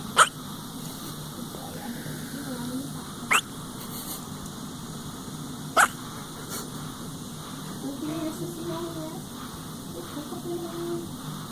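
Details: Dog with hiccups: brief sharp hiccup sounds recur about every two to three seconds over low room noise.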